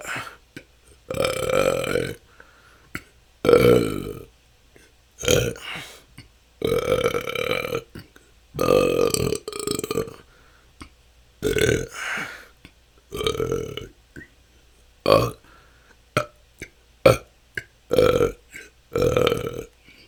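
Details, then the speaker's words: Repeated loud, prolonged burps in quick succession, about a dozen in twenty seconds, from an adult reporting years of ongoing excessive gas that can last hours; excessive belching (eructation). "this has been my struggle for the last couple of years it seems like somehow didn't let out enough gas and have stored up so much that it just I have hours and hours of gas to let out"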